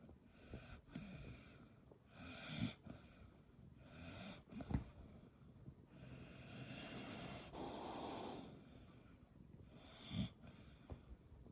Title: Dog and cat together. My dog snores!! 🐈‍⬛🐕